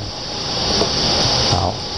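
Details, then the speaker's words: Steady, high-pitched narrow-band hiss made to resemble tinnitus, played through a special headphone as sound-masking therapy for tinnitus; frequency and volume are tailored to each patient. "我们的特殊窄频声音就是我们去制作一个特殊类似耳鸣的声音，然后让患者去听。"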